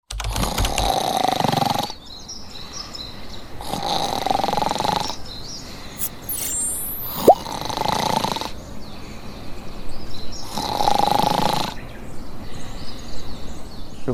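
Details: Loud, harsh snoring from a sleeping child, about four breaths in fourteen seconds, with blocked nasal breathing. The child has tonsil problems, sore throat, adenoid and glue ear, and was recorded before coblation adenotonsillectomy: snoring.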